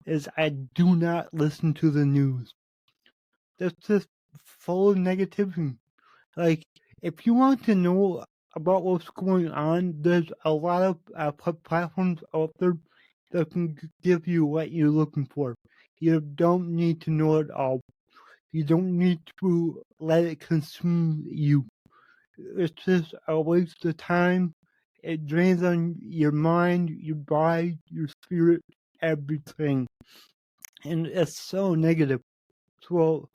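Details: Adult male podcast host with cerebral palsy, which he says affects every muscle in his body; he says his speech is much better than 8 months ago and improving with better health. Dysarthria (cerebral palsy).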